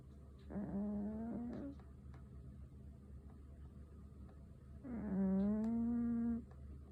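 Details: A sleeping fat black cat snoring: two drawn-out, whistling, slightly whiny breath sounds about four seconds apart over a low room hum.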